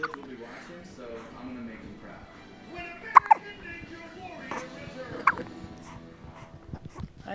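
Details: Infant hiccups: short, sharp hiccup sounds a few seconds apart over soft voices and music.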